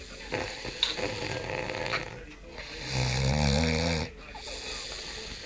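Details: One loud, rough, vibrating inward snore of about a second amid softer breathing and room noise; ordinary snoring after a hard day's racing.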